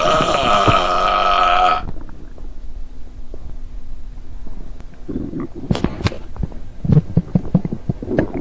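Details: Stomach growling: a loud low rumbling groan, then gurgling and bubbling sounds from the belly, a normal sound of gut movement.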